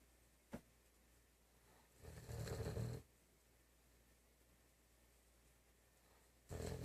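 Low, fluttering snores about a second long, separated by quiet pauses of several seconds, with one brief snort earlier.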